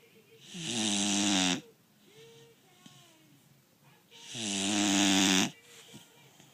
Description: 5 month old American Bully snoring